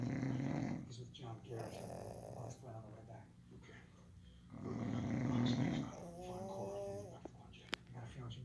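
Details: A fiancé and a pet pug dog snoring alternately: two loud, low, rattling snores separated by quieter breathing, with faint snuffling between; snoring.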